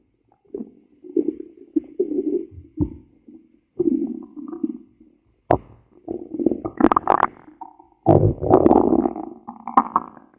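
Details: Stomach growl (borborygmi): repeated low gurgling and rumbling bursts with short quiet gaps.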